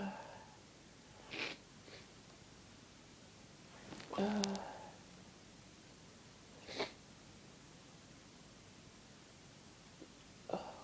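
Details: Adult with a cold having fits of loud, strong, uncontrollable sneezes: several sharp sneezes at intervals in a quiet room, faint breaths between; repeated cold sneezing.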